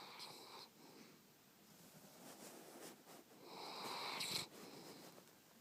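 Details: Ken, a cat, sleeping with tongue out: soft, hissy breath noises with a fuller, wheezy snort near the end; light snoring.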